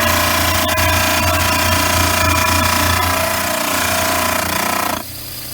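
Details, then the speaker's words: Loud steady grinding of a model trimmer wheel against a stone upper study model poured from a VPS impression, trimming the sides parallel to the posterior teeth; motor hum drops off as the cut ends. "and then i'm going to trim the sides and i try to pick a line that's about parallel to the posterior teeth so get up against the wheel"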